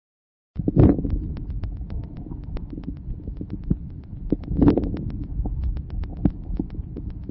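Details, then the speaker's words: Early inspiratory crackles: few short, sharp crackles localized to the start of inspiration, characteristic of severe bronchial obstruction. "écoutez maintenant les crépitant de début d'inspiration ils sont peu nombreux et localisé au début de l'inspiration ils sont caractéristiques d'une obstruction bronchique sévère"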